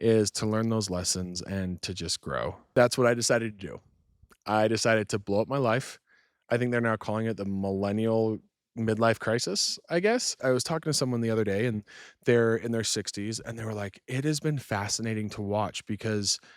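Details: Adult male speaker; fluent adult speech.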